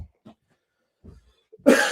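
Faint low throaty sounds, then one loud, harsh adult cough in a quiet room; a lingering chest cough.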